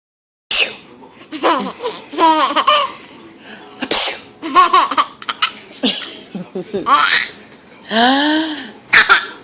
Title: Laughing at fake sneezes